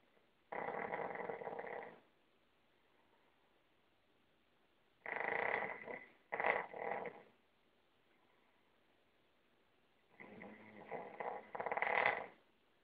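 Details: Snoring during sleep: three bouts of rough, rattling snores with quiet pauses between them.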